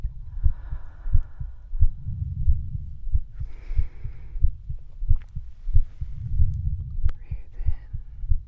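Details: Real heartbeat heard through a stethoscope in an ASMR medical-triggers video: regular low heart thumps about 90 a minute, with slow breaths in and out between; a normal heartbeat.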